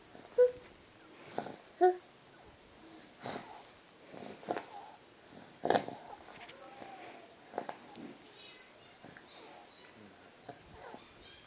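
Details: A dog breathes noisily with brief whistling notes and snuffly, irregular breath sounds, consistent with wheezing.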